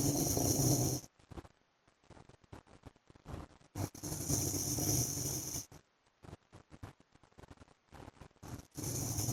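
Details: Loud, rough snoring breaths separated by long quiet gaps with faint irregular clicks and breath noise from a husband asleep; snoring.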